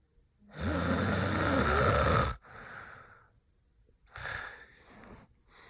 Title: bf out cold/snoring hard